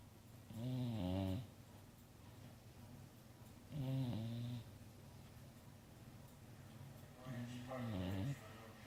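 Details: Three loud, voiced snores on the in-breath at about 19 breaths a minute, with quiet gaps between: snoring.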